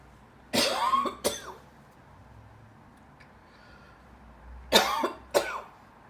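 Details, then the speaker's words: Morning cough usually bringing up phlegm, with voice change in the morning: two pairs of harsh, rough, possibly phlegmy coughs, four in all, separated by quiet; productive cough. "Because I noticed I started getting that cough in the morning, and usually I'm coughing phlegm."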